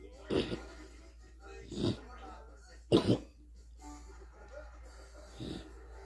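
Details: Dog coughing and gagging in several harsh, irregular bursts, bringing up mucus.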